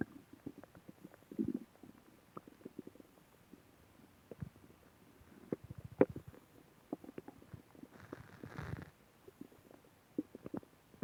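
Irregular bubbly gurgles, pops and a longer low rumble in a quiet room; ordinary stomach growling from moving gas and fluid.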